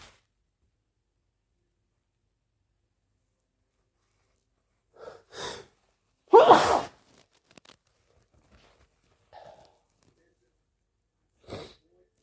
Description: announcing sneezes ft false starts sniffles and nose blows